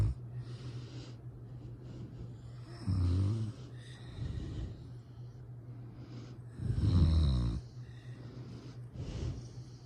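Loud, deep rattling snores on inhalation about every four seconds, with quieter breathing between them, over a steady low hum.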